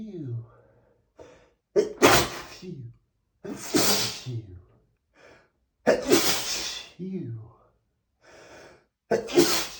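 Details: Male, from 100+ sneezes recorded the same day: three loud sneezes, each preceded by sharp gasping in-breaths, with snorting and sighs between; sneezing.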